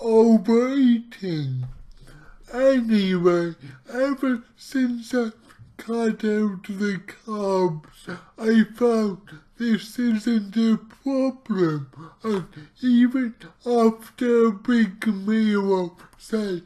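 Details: Man with cerebral palsy, about two weeks into trying a keto diet to see whether it affects his CP; real speech, heavily distorted; dysarthric speech (cerebral palsy).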